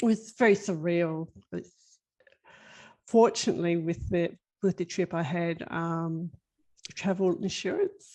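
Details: Global Broca's aphasia in a woman five years after an ischemic left-sided stroke at age 49, with ongoing word-finding problems and word mix-ups.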